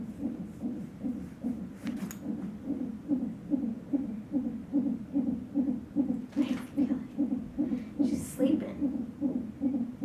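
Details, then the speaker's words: Fetal heartbeat from a monitor strapped on the lower belly of a past-due pregnant woman at a check-up: rapid, regular whooshing pulses, about 146 beats a minute, within the normal fetal range. "go ahead of this one her lower belly which is measuring the heartbeat"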